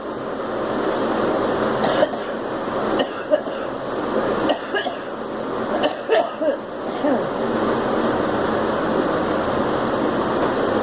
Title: Girl coughing